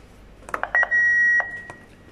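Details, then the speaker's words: Defibrillator shift/weekly check, paddles connected, dial turned to manual: button clicks, then a steady high-pitched beep of about half a second as it enters system check before charging from the paddles without shocking. "We have gone into the system check."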